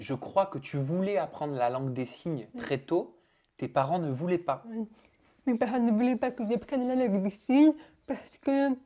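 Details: Adult speaker in conversation; Typical speech.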